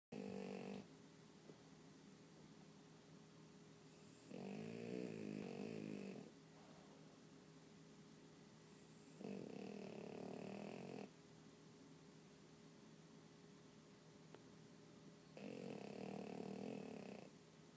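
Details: Snoring: four loud, rough, rattling snores, each about two seconds long and roughly five seconds apart, with a steady low hum in the background.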